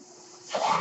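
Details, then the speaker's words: The speaker's own mechanical ventilator, recorded during his talk: quiet room noise, then a sudden rushing airy whoosh as a breath is delivered. Mechanical ventilator breath. "Hello, everyone. That noise you're hearing is my ventilator."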